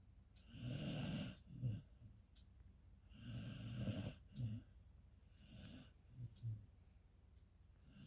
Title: Beagle snoring loudly....Peanut loves sleeping.. He can't have enough of it